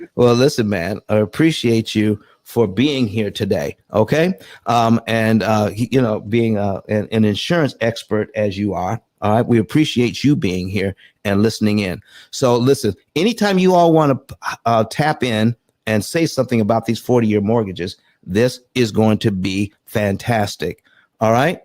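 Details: Adult male speaker; normal voice.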